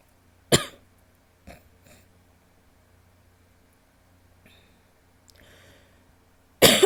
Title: wet coughs (f)